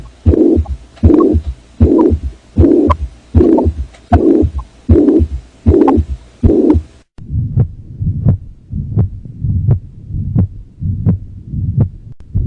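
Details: Heart simulator, regular heartbeat near 78/min, auscultated at the mitral valve area of a hypertensive male patient later concluded to have left and right heart enlargement. A soft blowing sound between the beats: mitral regurgitation murmur.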